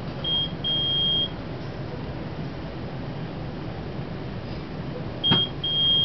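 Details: Short high-pitched electronic beeps in bursts over low room hum: an IV infusion pump alarm after the primary line is reprogrammed (rate 167, volume to be infused 950) and run, during an LPN IV therapy teaching demonstration.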